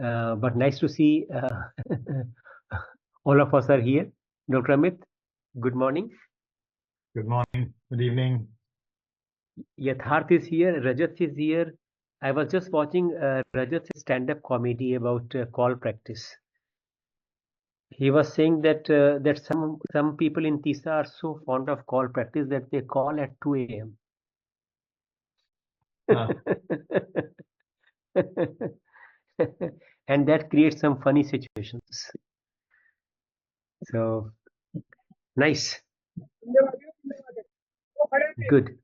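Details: Adult man speaking; typical speech.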